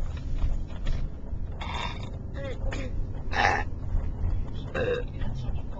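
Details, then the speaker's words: Girl in a fake burp contest: several short, throaty, deliberately forced burp-like bursts over room noise. "is going to do her best burp. Fake. I just really burped. That was an actual burp."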